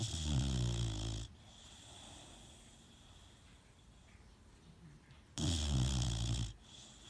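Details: Boxer puppy snoring in sleep: two loud, low rattling snores a few seconds apart with quiet breathing between them.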